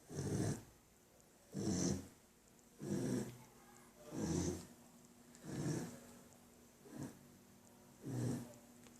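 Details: Two sleepers snoring on a rainy day: regular low snorting snores, about seven in nine seconds (roughly 45 a minute), with a faint steady hum behind.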